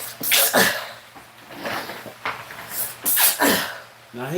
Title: Man sneezing